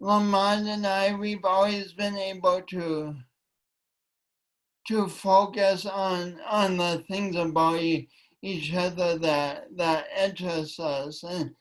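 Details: Speech impediment in a woman; she says it affects her voice and coordination and that she tried to deny it for years.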